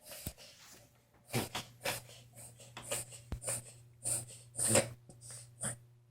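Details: Dog with hiccups: repeated short, abrupt snorting gasps at irregular intervals over a faint room hum.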